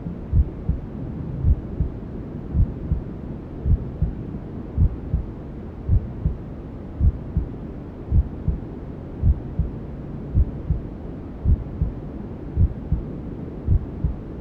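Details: Steady, muffled low heartbeat thumps at about 54 a minute over a constant whooshing hiss; a mother's heartbeat with white noise, presented as womb sounds for settling a newborn.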